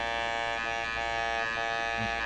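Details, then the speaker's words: Steady high-pitched electric buzz with a constant tone from a 12-needle microneedling pen, run at a thousand or more revolutions per minute and passed over the forehead during a facial for acne and keratosis pilaris. "so you put it on into the head snaps in and then when you turn it on so it's coming out at thousand revolutions per minute or possibly more"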